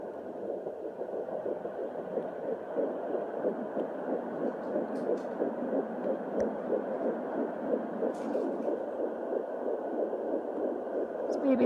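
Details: Fetal heartbeat at 8 weeks 4 days of pregnancy, picked up by Doppler: fast, regular whooshing pulses at about 180 a minute.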